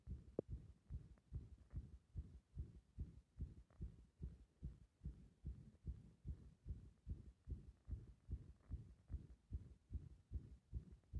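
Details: Compressed heart sounds: fast, mostly steady low heartbeats about 145 a minute with slight timing unevenness, turning irregular during breath-holding.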